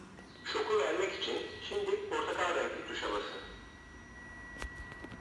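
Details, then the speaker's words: Synthesized AED voice warning not to touch the patient and announcing an imminent shock, in an infant AED training demonstration with pads placed front of chest and between shoulder blades; AED voice prompt before shock. "hastaya Dokunmayın dedi hastama dokunmuyorum kimse askeri dokunmasın dedim çevreme uyardım"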